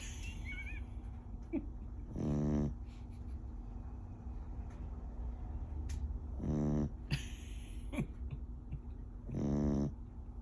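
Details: Sleeping rescue Beagle dog snoring: three rhythmic, buzzing snores roughly one every three to four seconds.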